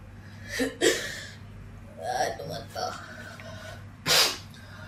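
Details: Repeated sneezing: quick inward catches of breath, each followed by a sharp, explosive burst of air, with one louder final burst in a small room; the person then says it has stopped.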